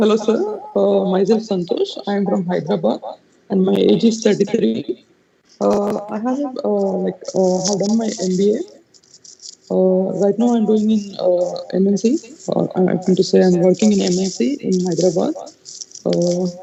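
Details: Puberphonia in a 33-year-old man, recorded before treatment; his high-pitched voice has persisted for about 15 years, since puberty.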